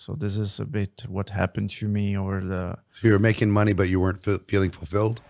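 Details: Adult male speaker; typical speech.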